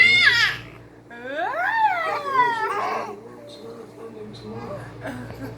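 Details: Infant: brief wavering cry with rising and falling fussy sounds, then quieter babbling over a low room hum; infant cry.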